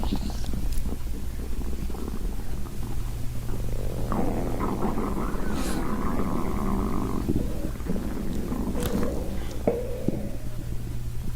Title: Stomach growl